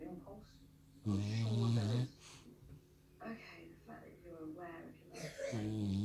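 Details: French Bulldog asleep on owner's lap, dreaming with eyes open: two loud, low, rumbling snores about four seconds apart with soft snuffling breaths between; snoring.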